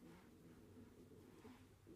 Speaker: sorry if you hear that that is my stomach growling cuz I usually eat on my way to work